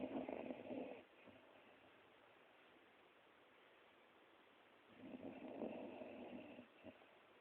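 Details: Old female Border Collie sleeping: two soft, rough breathing sounds about five seconds apart with quiet pauses between; gentle snoring.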